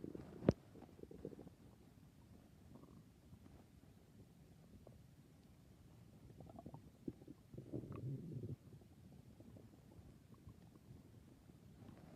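Low, soft gurgling and rumbling with a longer growl near the end: stomach growling, ordinary bowel sounds.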